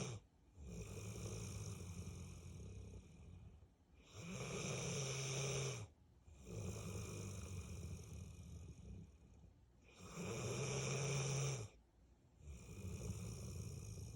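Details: 8-year-old Bullmastiff dog snoring all day, every day: loud, rumbling snores in long drawn breaths, about 10 a minute, with low rattling in each cycle.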